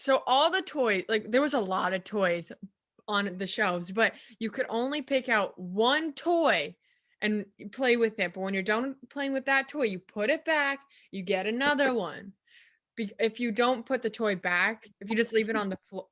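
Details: Adult woman; Typical speech.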